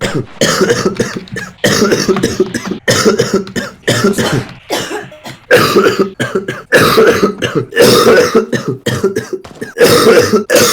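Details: Real persistent cough in a man who coughed all evening and says coughing feels so bad his eyes are popping out: about ten harsh, forceful bursts in close succession with short pauses.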